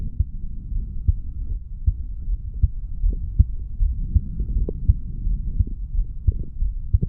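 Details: 35-year-old man's heartbeat recorded at the mitral (bicuspid) valve area after weight training, steady regular low thumps at about 80 beats a minute over a low rumble.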